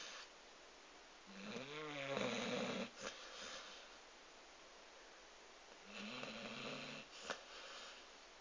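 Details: Dog in deep sleep: two long, rattling, rumbling breaths about four seconds apart, each ending in a brief snort; loud snoring.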